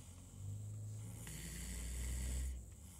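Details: Tuckered-out sleeping female gives one long, deep, rumbling snore on a single breath in a quiet room. Snoring.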